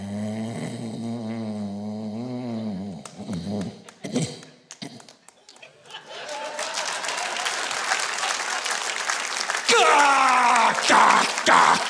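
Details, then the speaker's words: A comedian imitates obstructive sleep apnea: a rattling snore, then choking gasps and snorts, followed by audience applause; he describes his soft palate closing his airway and breathing stopping for about 10 seconds while asleep on his back. "if you know somebody that sleeps like that you better get him a CPAP machine or it won't be long until their time is up"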